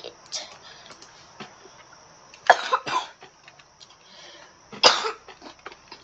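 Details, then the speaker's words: Person coughing while recording a webcam video, apologizing that they have a cough. "if you can hear me coughing, I'm sorry, but I do have a cough at the eye."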